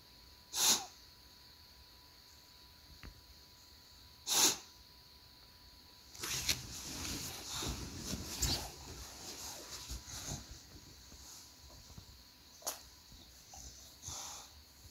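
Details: A dog named Goob gives sharp sneezes and a run of wet snorts and sniffs after a coughing fit.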